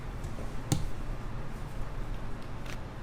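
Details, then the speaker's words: 9-year-old Rottweiler with a lifelong limp and a damaged left hip joint. During chiropractic treatment, pushing down and stretching the hip produces a sharp click, then fainter crackles against low room rumble; joint crepitus. "ooh, it crackles when I do that. Ooh, did you hear that? Yeah. Get in really close. It's making all sorts of crackling noise."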